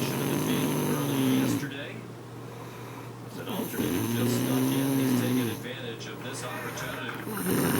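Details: Elderly woman (grandmother) snoring: long, droning snores on each breath, with television talk in the background.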